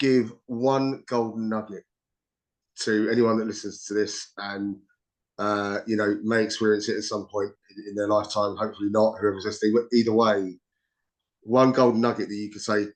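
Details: Adult speaker, interview; ordinary speech.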